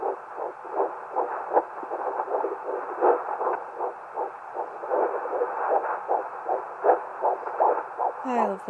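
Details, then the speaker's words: Home handheld 2 MHz fetal Doppler at 10 weeks 6 days of pregnancy, probe angled with extra pressure: fast rhythmic whooshing fetal heartbeat at about 160 beats per minute, occasional distortion from mother's pulse; normal fetal heart tones. "that's how I find my baby's heartbe and as you can see it's easily I can easily lose it and there's sometimes Distortion with my own heart heart"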